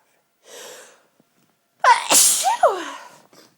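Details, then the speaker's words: Allergic sneeze triggered by dust after a marathon cleaning session; a quick indrawn breath, then a loud explosive sneeze with a voiced tail. "I love my home sneezes when I sneeze I get tingles running down my spine"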